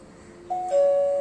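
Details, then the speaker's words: Wireless hospital nurse call system demo: two-tone electronic emergency chime over quiet room sound, triggered from the pull cord of washroom unit A1, then cancelled by the attendant to acknowledge the call. "you know that washroom number a1 is making an emergency call the attendant goes and presses cancel to know that the emergency situation has been answered"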